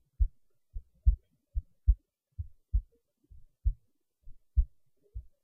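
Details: Heartbeat recording: steady, muffled low thumps in lub-dub pairs, about 68 beats a minute.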